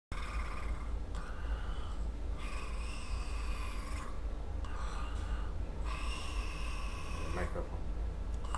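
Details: Man over 100 kg who snores even while sitting, severe snoring with obstructive sleep apnea: loud rattling snores every couple of seconds from fluttering soft palate and uvula, over a steady low rumble.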